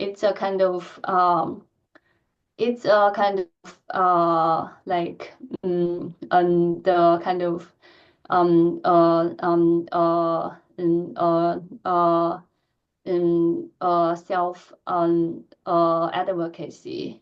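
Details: Adult female lecturer who stutters, speaking in a Q&A with repetitions and filled pauses; she reports feeling physical tension when talking; stuttering.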